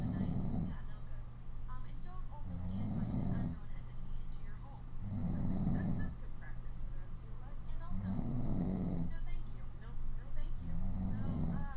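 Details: Woman sleeping on her stomach: loud, rough snoring about every 2.5 seconds with puffing lip flutter on out-breaths over a steady background hum.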